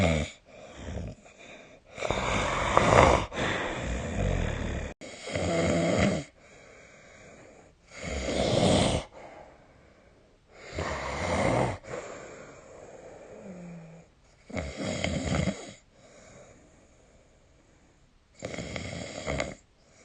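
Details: Night snoring recording from 2025/03/25, possibly made with the SnoreLab app: loud, rough inspiratory snores separated by quieter pauses, with an irregular rhythm; snoring.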